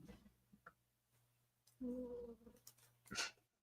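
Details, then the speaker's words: Single loud, buzzy snore followed by a brief snort-like burst, over steady room hum, from Superball, a sleeping female cat. "That's my cat. That's my cat snoring. Yep. The sound you hear is Superball snoring. That was was loud,"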